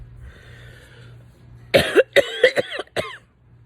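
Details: Adult coughing fit after smoking a Swisher (says not a smoker), eyes watering: a quick run of about five harsh, voiced coughs after a quiet start.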